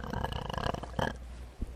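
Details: Female streamer on a live stream: a long, loud, rumbling belch lasting about a second, with a short second burp after it; burping.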